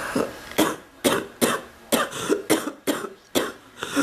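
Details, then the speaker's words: Adult woman with an ongoing cough after earlier bronchitis: about nine dry, hacking coughs in quick succession with brief gaps; frequent persistent cough. "I was better off having bronchitis. I wish I didn't have to have a cough right now."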